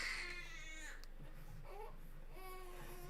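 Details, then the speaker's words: A baby cries in the background, with wailing bursts over low room noise; infant crying. "i love the sound of the crying baby in the background um he actually makes me happy so anytime he cries i'm like hey cool he's breathing i'm happy about that"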